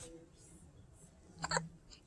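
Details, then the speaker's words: A kitten in a quiet room makes one quick, sharp, squeaky hiccup split into two close bursts, while a person remarks on its tiny hiccups; hiccups in a kitten. "We got tiny hiccups, don't we? Little hiccups. Little hiccups."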